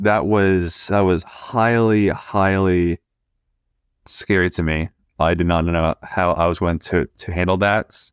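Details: 20-year-old man who stutters; stuttering with audible repetitions.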